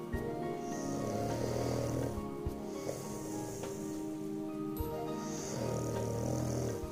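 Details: Sleeping dog snoring: rhythmic low rumbling snores with steady music playing in the background.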